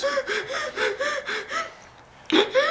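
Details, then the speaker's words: Simulated dental-surgery medical training scenario: an acted patient's rapid, sharp, voiced gasping breaths with a brief pause, then another gasp, as staff coach calm breathing; hyperventilation. "let's start to work together with your breathing okay so you just follow me this just follow me nice and calm nice and calm"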